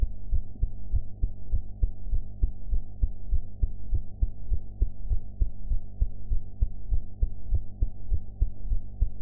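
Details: Heart sounds recorded after eating: steady, low, regular thumping heartbeat at about 100 beats per minute over a constant hum.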